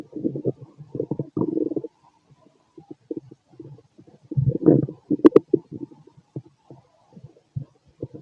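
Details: Male abdomen on auscultation: irregular gurgling and bubbling bowel sounds, typical stomach growling from normal gut movement (borborygmi).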